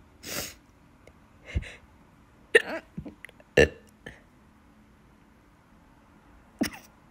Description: That's so hard to hiccup and sneeze at the same time it's hurting my stomach so bad😭